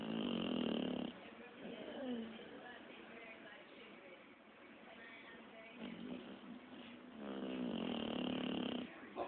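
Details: Pitbull snoring during sleep: two loud, buzzing snores with a long, quieter breathing stretch between them.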